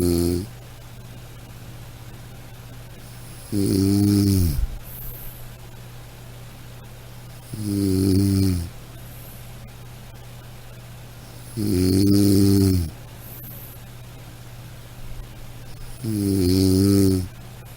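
Steady, regular low snores about 14 a minute, each a buzzing rumble on breathing in, with faint room hum; ordinary snoring.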